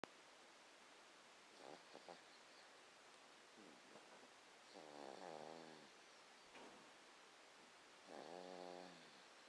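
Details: 3-month-old boy snoring quietly during sleep: two drawn-out buzzing snores about three seconds apart in a quiet room.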